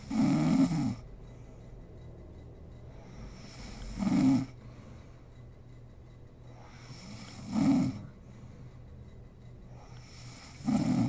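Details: Snoring from a sleeping mother: regular rough snoring breaths about 17 a minute, four rough snores with quiet pauses between them.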